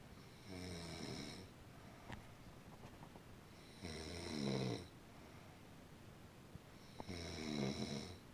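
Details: Baby snoring: three rhythmic, buzzing inward snores at about 19 a minute, with quiet pauses between them in a small room.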